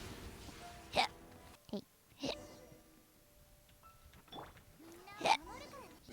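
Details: Several abrupt, sharp hiccups at irregular intervals from a streamer during a live gaming stream, with soft speech and game sounds in the background; hiccups.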